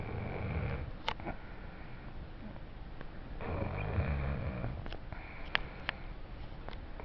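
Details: Low rumbling snores during sleep with breathy noise on each breath in a quiet room; snoring.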